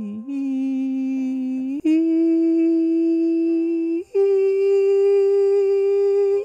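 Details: 56-year-old female alto gliding up in pitch until she cannot go higher, at about C5, which is low for a female; limited upper vocal range.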